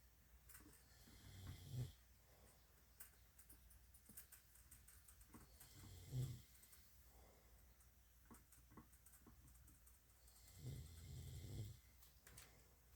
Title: Syrian hamster hears snoring 😴